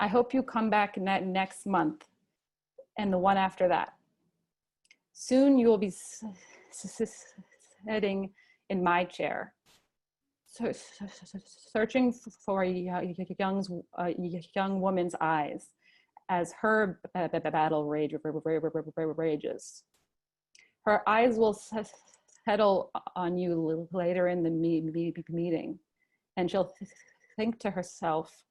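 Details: Adult male, a father, who stutters and chooses to stutter openly, speaking at a convention for young people who stutter; stuttering.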